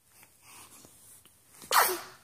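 Quiet breathing and sniffing, then a single sharp, explosive sneeze burst.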